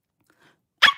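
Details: Sudden, brief, high-pitched yelp-like involuntary vocal noise after silence from a girl with Tourette syndrome, recorded during a livestream; vocal tic.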